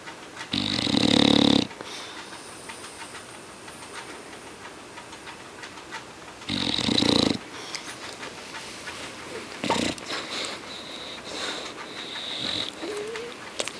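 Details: Two loud, rough snoring breaths a few seconds apart, with quieter breathing and faint room noise between them.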